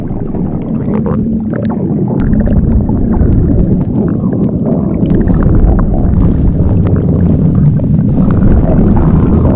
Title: stomach growling. Morning tummy sounds.